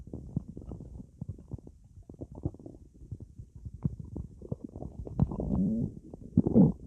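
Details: Active bowel sounds while lying in bed after drinking a lot of soda: frequent low gurgles, bubbling pops and longer rumbling growls from the belly as gas and fluid move through the gut.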